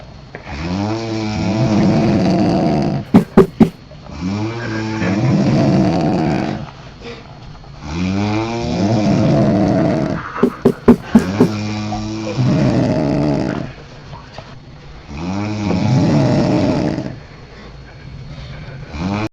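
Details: Loud, rattling snores in long drawn-out breaths, about four in twenty seconds, with brief sharp knocks between them.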